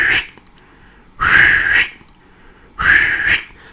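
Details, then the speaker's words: Vocal imitation of the mitral stenosis murmur: a mid-diastolic rumble building to presystolic accentuation at the onset of systole from atrial kick, heard twice. "so how will it sound like again you'll have a mid diastolic rumble and then a pre systolic accentuation now listen to this"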